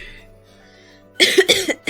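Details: Faint background music, then a rapid run of about three to four harsh, forceful coughs in quick succession: a short coughing fit in a recovering adult who reports daily mucus.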